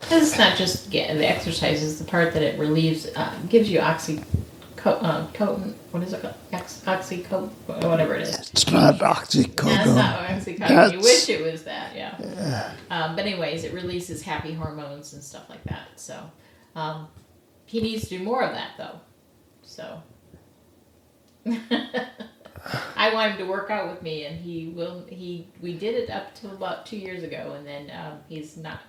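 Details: Adult woman speaking in a small room; ordinary speech.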